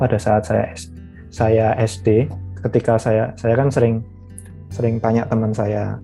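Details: Stuttering in a member of an Indonesian stuttering community, who was bullied for it in elementary school.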